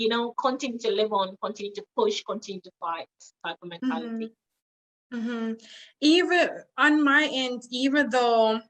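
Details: Adult woman with foreign accent syndrome after brain damage with swelling; the accent is involuntary, and friends say it changes when she becomes emotional; foreign accent syndrome.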